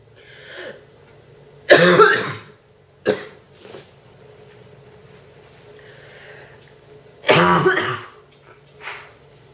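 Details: Girl with a bad cold, real and uncontrollable heavy, deep, painful coughing fits: harsh, deep coughs, about five bursts grouped in short fits, over a low background hum.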